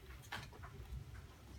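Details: Tetraplegic man with complete C5 spinal cord injury since 1986, sitting, coughing unassisted before a physio's manually assisted cough demonstration; weak cough in tetraplegia.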